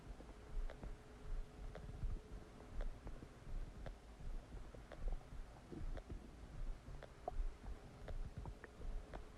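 Quiet gurgling and bubbling clicks from the abdomen with a faint low whine; bowel sounds of digestion after a meal.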